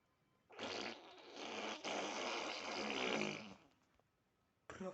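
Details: Dad snoring, in a humorous scene about a man's snoring: one long, loud, rough snore on an in-breath lasting about three seconds, then quiet before the next.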